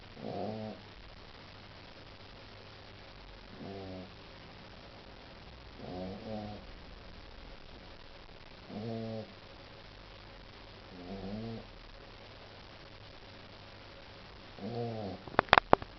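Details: Snoring: short rattly snores recurring about every two and a half seconds, roughly 24 a minute, over steady background hiss.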